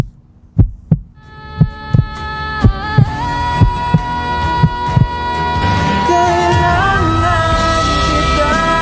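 Loud, evenly spaced thumps of a sound-effect heartbeat, then a swelling music bed with sustained tones.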